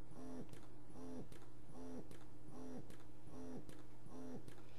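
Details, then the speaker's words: Lansinoh Affinity Pro double electric breast pump, demonstrated running at its second cycle level, a little faster than the first: steady motor hum with rhythmic whirring suction cycles, about 75 per minute. "if I press the cycle button it changes again press it again it changes again it's a little faster than the first one and then here's the second level"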